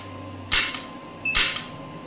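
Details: Biotronix Solution Forever shockwave therapy device for musculoskeletal pain: two sharp, loud clicking bursts under a faint steady electronic hum; shockwave applicator firing.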